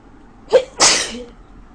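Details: Woman with a bad cold sneezing in bed in the morning: a short sharp intake followed by one loud explosive sneeze. A single sneeze.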